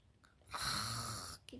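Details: Child imitating father's snoring: one harsh, rasping snore-like inhalation.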